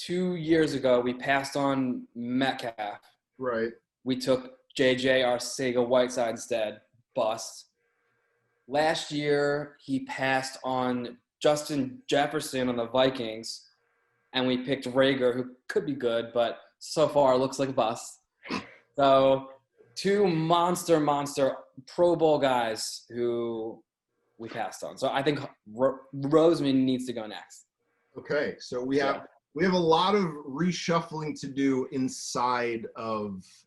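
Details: Adult male with a lifelong stutter that in childhood made reading in class and speaking to anybody hard; stuttering.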